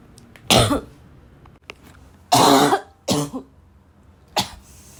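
Four harsh, loud cough bursts with throat clearing in a quiet room, a rough barking quality.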